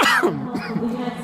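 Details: Adult runner still coughing after finishing the Helsinki City Run on 13 May 2017: one short, harsh cough burst, then a brief voiced, throaty sound as it fades.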